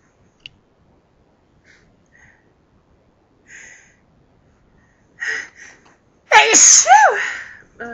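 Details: Forceful sneeze fit, louder than normal sneezes: quiet breaths and catches building to a loud, forceful sneeze with a voiced cry.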